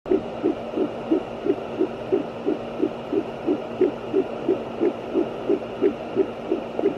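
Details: Fetal heartbeat on a fetal Doppler: rapid, steady whooshing pulses at about 175 beats a minute, which faded out as the baby moved while the probe was held still.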